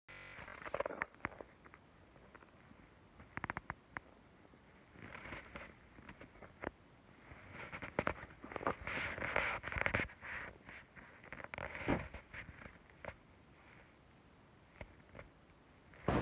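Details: Adult teacher's hunger-related stomach growling at work during a class test: quiet room with scattered gurgles, squeaks and rumbling bursts from the abdomen.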